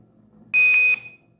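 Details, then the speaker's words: INFUSYS-S syringe infusion pump demonstration: with 5 ml remaining, a single steady high-pitched half-second electronic beep sounds, the near-empty alarm, which precedes the end-of-infusion alarm; syringe pump near-empty alarm. "At 5 ml of in position, we can get a near empty alarm as displayed before. After that, end of infusion alarm occurs."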